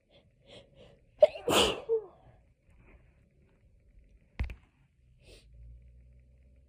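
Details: Hay fever sneezing fit, looped edit: two sneezes, a loud drawn-out one then a short sharp one, with soft breaths between.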